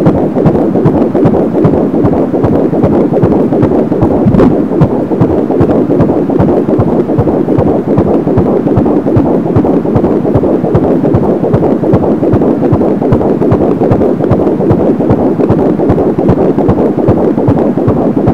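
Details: Rapid, steady whooshing pulses at about 150 per minute through a noisy Doppler signal: fetal heartbeat at 13 weeks 2 days of pregnancy.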